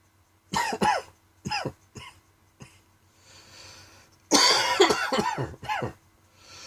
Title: Dry Coughing Fit in the Afternoon.